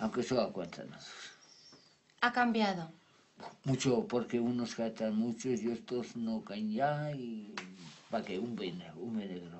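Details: Patient with Wernicke's aphasia after an ischemic stroke caused by an operation; impaired comprehension; produces words without real meaning and invented jargon while keeping some correct information.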